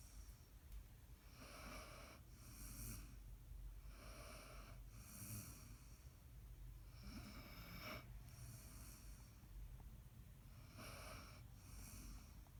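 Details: Snoring: repeated raspy, snorting breath noises about 24 times a minute over a steady low hum.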